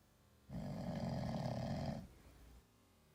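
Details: One low, rumbling, human-like snore lasting about a second and a half from a sleeping cat in a quiet room; snoring.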